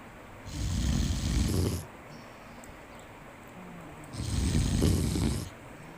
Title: monkey sleepy and many snoring sound💤💤